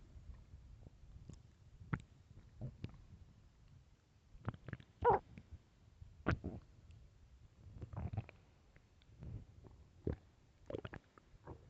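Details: Hunger stomach growling: quiet gurgles, squeaks and low rumbles at irregular intervals over a soft background hiss; borborygmi.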